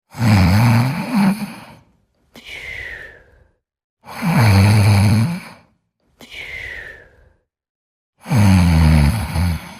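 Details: Deep, loud, rattling snores alternating with quieter breaths out, about 15 breaths a minute, in a steady rhythm: snoring during sleep.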